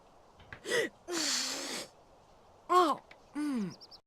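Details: Sneeze attributed to allergies on the first day of fall: a sharp, breathy sneeze burst among short whining and sighing sounds.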